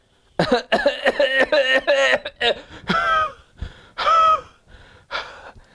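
Rapid run of harsh coughs followed by gasping, strained breaths, a paroxysmal coughing fit.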